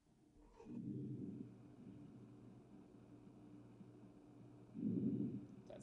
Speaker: inspiration you don't really hear much exploration right so that's those are vesicular sounds and that's what you should hear normally over the the peripheral lung segments